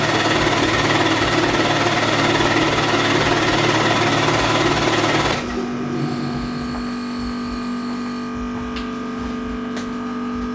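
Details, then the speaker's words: Person with cystic fibrosis doing airway clearance with a Hill-Rom Monarch chest oscillation vest: loud, steady rapid buzzing pulses, about 220 a minute, then a lower steady hum, loosening mucus. "So this is gonna get a little loud, so I'm gonna try to speak loudly."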